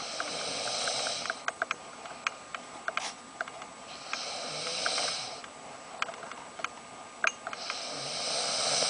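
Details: Snoring: slow, airy, rasping breaths recur about every four seconds, roughly 15 a minute, with scattered soft clicks between them.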